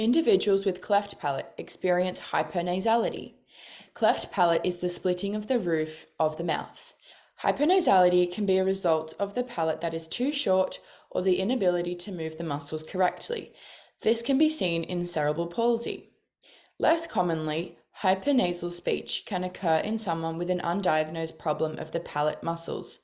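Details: Adult female speaker; normal speech.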